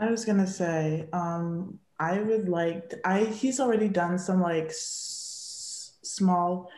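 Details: Young woman who grew up as a person who stutters, speaking in real conversation; stuttering.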